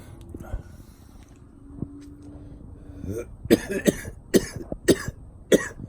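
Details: Uncontrollable coughing in someone with a very bad cough and flu-like illness, possibly a virus, not yet recovered: throat clearing, then about six harsh, forceful coughs in quick succession.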